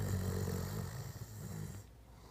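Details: A low, rumbling, fluttering snore on an inward breath, fading into quiet; snoring.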